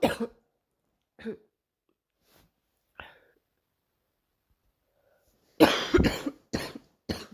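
Several separate coughs, soft and spaced at first, then a louder cluster of about four harsh coughs near the end.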